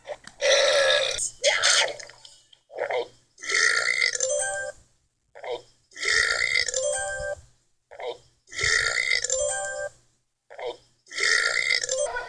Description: Extraordinary big burps